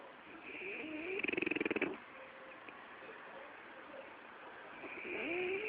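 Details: French bulldog snoring: a short, fluttering snort-snore with rapid vibration, then softer noisy breathing through the flat-faced airway.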